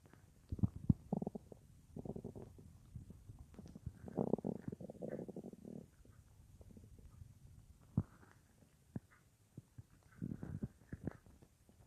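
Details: Stomach rumbling (bowel sounds) recorded at night, an hour after soup with no full meal that day; phone in front of the belly while lying on left side, later mic pressed against belly; clock ticking in background.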